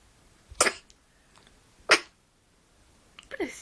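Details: One-day-old newborn boy sneezing while held in a lap: two short, sharp bursts of air about a second apart, then a faint whimper.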